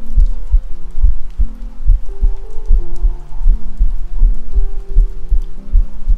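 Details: Self-recorded ASMR heartbeat captured with a 3Dio binaural microphone: steady low thumps at about 75–80 a minute with music playing behind; normal heart sounds.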